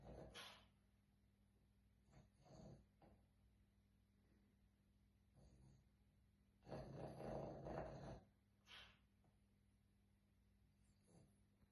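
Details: Sleeping Boston Terrier snoring with rough, snorting breaths and one longer, louder rumbling snore over a steady low background hum.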